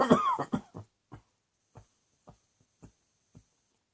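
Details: One voiced cough followed by a trailing series of small, fading coughs in a quiet room; a cough.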